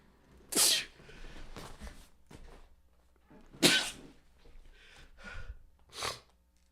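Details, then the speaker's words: Two forceful sneezes and a quieter third burst, separated by breathy sniffing, in a quiet room; the sneezer attributes them to nasal spray addiction. "content kids this is uh this is this these are the consequences of nasal spray addiction all right so learn a lesson from me don't be like me be better than me oh man excuse me"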